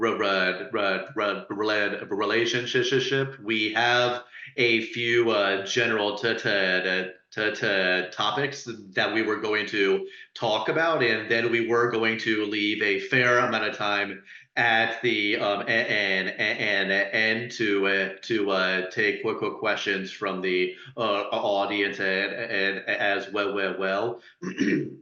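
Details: Person who stutters, speaking as a panelist introducing a session on dating and stuttering; repetitions audible; stuttering.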